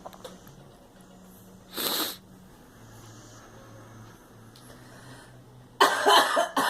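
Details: Girl coughing: two separate coughs from a child, the second louder and longer, over a quiet room hum.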